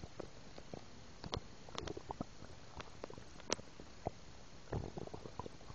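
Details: Stomach noises after milk: scattered short pops and gurgles over steady hiss from gas and fluid moving through the gut (borborygmi).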